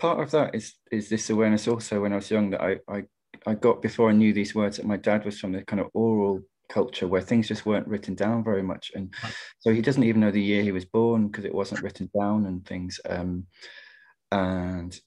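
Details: Adult poet who stammers, speaking in a webinar on stammering and creativity: stammering.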